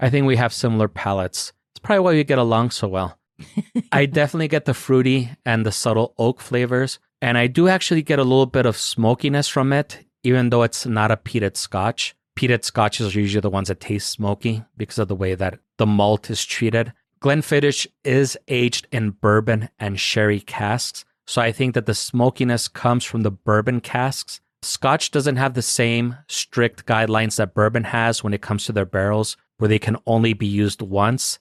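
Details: Adult male speaker; normal speech.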